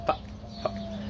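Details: Man with Tourette syndrome making an involuntary vocal tic sound between sentences; vocal tic (Tourette syndrome).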